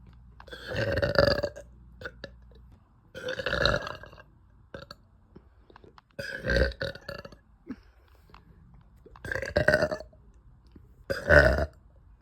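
Five loud, drawn-out voiced belches over about twelve seconds, separated by quiet pauses; repeated burping.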